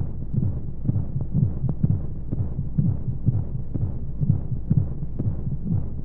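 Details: Simulated womb sound for baby sleep aid: steady, muffled heartbeat thumps at about 125 a minute under constant low whoosh and white noise; heartbeat.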